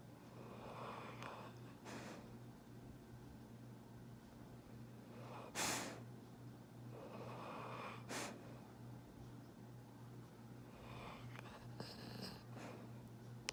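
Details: A pit bull rescue dog napping in a chair, described as a loud snorer: noisy snorting snores with sharp nasal snorts over a steady low room hum; snoring.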